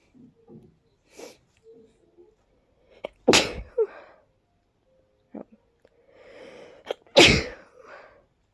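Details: Two loud, forceful sneezes, each preceded by a short in-breath, from a congested person with a tickly nose; ordinary sneezing.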